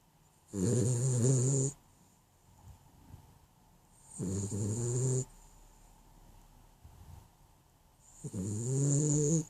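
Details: Sleeping dog, dreaming: three loud, buzzing inspiratory snores, about 16 a minute, soft breathing between, slightly uneven timing; snoring.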